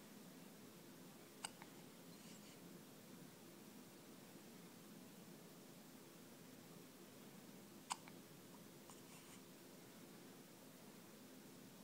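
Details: Hiccups.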